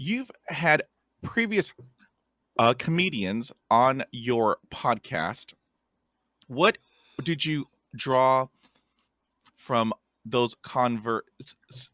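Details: Stuttering in a podcast host who stutters and describes having a speech impediment; stuttering.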